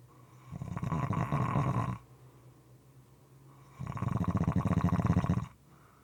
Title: Snoring Sounds- moist and sometimes irregular